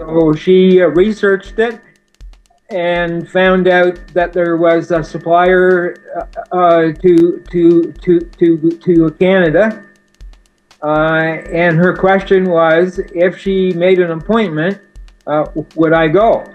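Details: Adult man with a severe stutter since age four, linked to spina bifida, using an anti-stuttering device; audible part-word and word repetitions ('to to to to to'); stuttering.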